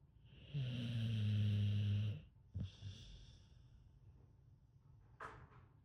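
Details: Sleeping American Bully (pit bull type) dog snoring: a low, rumbling snore on the in-breath, then a quieter snort and soft breathing.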